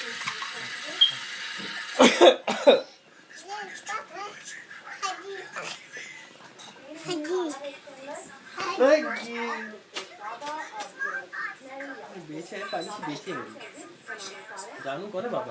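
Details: Young boy imitating his father's cough: a few short, forced coughs, then adults and the child talking and laughing in a small room; imitated cough.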